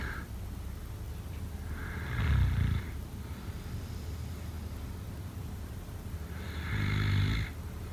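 Two loud, rattling inhaled snores about five seconds apart over steady low background noise, typical snoring in sleep.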